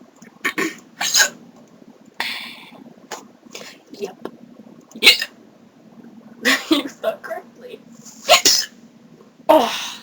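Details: Severe, painful hiccups (singultus) with several burps in between, including one especially big hiccup.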